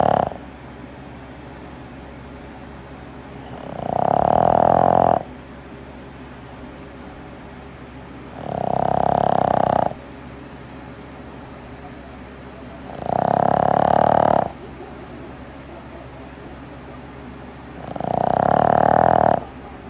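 Loud, regular rumbling snores, about one every four to five seconds, with quiet pauses between them: heavy snoring in a small dog.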